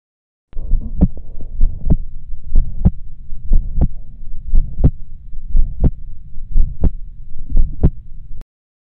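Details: Mechanical aortic valve replacement: sharp, crisp metallic second heart sounds loudest over the aortic area at about 60 beats a minute, with a soft ejection systolic murmur loudest there, in deep expiration.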